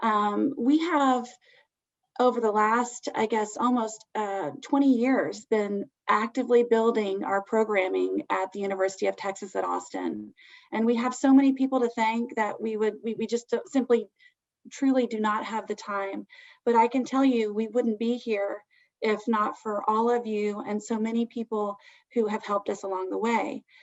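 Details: Adult woman speaking; normal speech.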